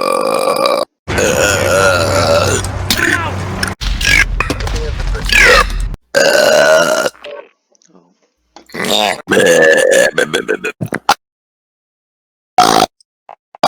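A run of loud, drawn-out, rumbling burps with brief pauses and some voice in between; repeated belching.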